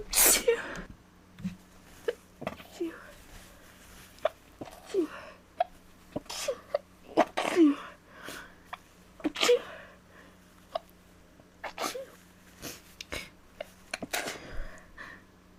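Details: Repeated genuine sneezes from an adult with a cold, each a sharp explosive burst after a quick intake of breath.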